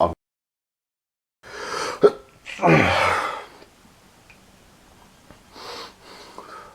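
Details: Sneeze attributed to allergies, with the person feeling tired and sick: a sharp intake and catch, then a forceful explosive burst of air, followed by quieter breathing.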